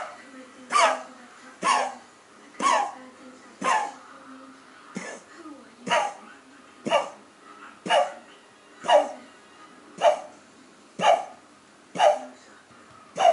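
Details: Cocker spaniel puppy coughing a run of about thirteen short, sharp coughs, roughly one each second.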